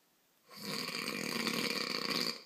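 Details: French man snoring while asleep: one long, loud, harsh snore lasting about two seconds, with a rough vibrating rattle.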